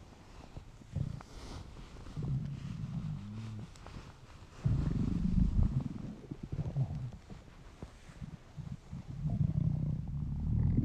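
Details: Hungry stomach noises from a male: low gurgling and rumbling gut noises in irregular bursts over a quiet background; hunger borborygmi.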